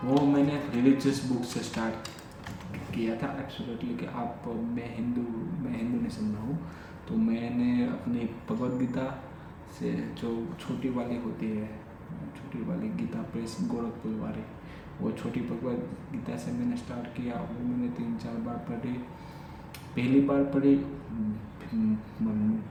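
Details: Adult male with stammering since childhood, speaking spontaneously in Hindi during a daily stammering-practice session (day 45); stuttering.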